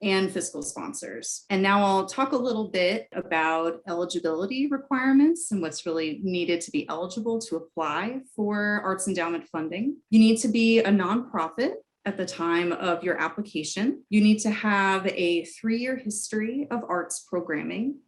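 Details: Adult woman speaking; normal speech.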